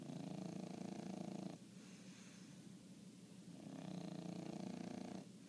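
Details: A 1-year-old sleeping dog snores loudly, with buzzy, rattling long inhalations and quiet exhalations; it briefly wakes when called, then goes back to sleep. Snoring.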